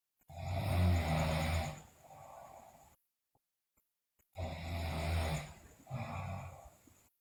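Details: Sleeping girl snoring loudly, also described with bruxism and delirium: loud, rattling snores on each breath in, softer breaths out, two full breaths in about seven seconds.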